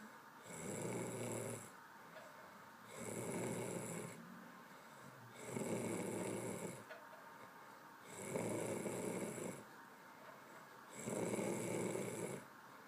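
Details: Steady rasping snores on each breath in, five in about 13 seconds (roughly 24 a minute), with quiet breaths out between; snoring.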